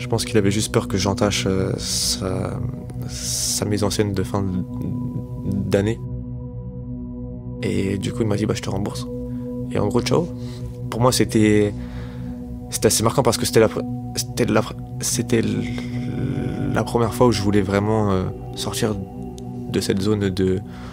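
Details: 25-year-old man who has stuttered since age 4, self-described as fairly severe and worse with stress, fatigue and in front of others; stuttering.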